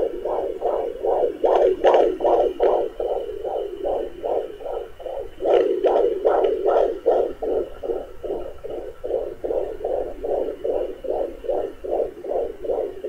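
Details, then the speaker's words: Fetal heartbeat on home Doppler at 18 weeks of pregnancy: rapid, regular whooshing, about 150 beats a minute, with brief bumps from baby movement, quieter than usual. "That little sound, that's the baby mover, that little sound that you just hear, like the little interruption. It's usually louder than that, but I guess he's not moving as much."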